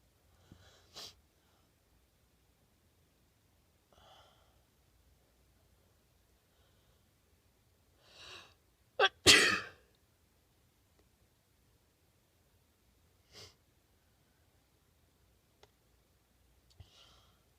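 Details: A series of sneezes triggered after a shower and blowing the nose: one much louder burst with a sharp double release, the others softer, separated by quiet pauses.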